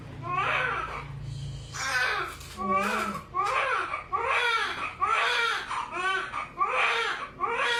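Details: Strong, rhythmic, high-pitched crying in repeated bursts, with some room noise, from a newborn baby boy just after normal vaginal delivery at a clinic; newborn cry.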